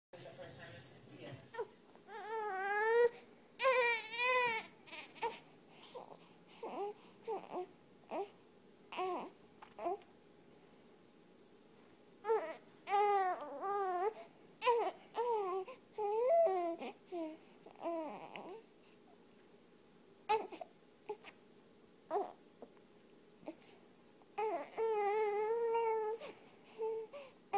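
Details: An infant cries in repeated wavering bursts separated by pauses and quieter whimpers in a small room, with a cat nearby soothing the baby to sleep; infant crying.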